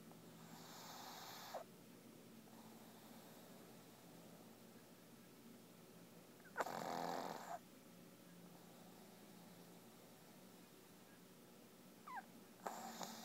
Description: Lola sleeping and snoring in my lap